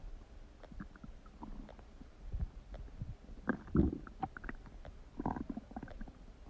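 Gurgling, bubbling and rumbling bowel sounds in irregular bursts, typical of ordinary stomach growling.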